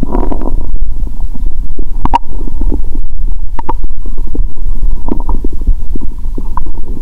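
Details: Loud, continuous gurgling and bubbling with frequent short pops over the abdomen after many Mentos with cola; bloated, painful belly; active bowel sounds.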